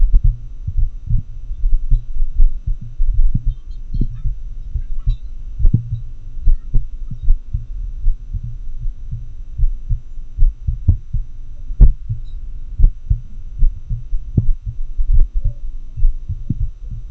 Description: Auscultation of heart sounds in atrial fibrillation recorded using a homemade technique with a customized funnel-microphone setup.